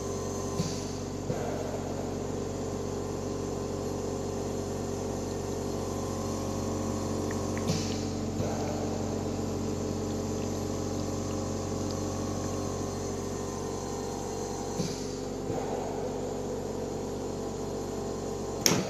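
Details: A Yuwell 7F-5 oxygen concentrator (1–5 L/min, about 87–95.5% oxygen) running during a test.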